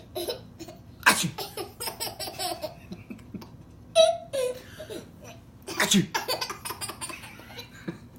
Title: baby laughs at dad's sneezes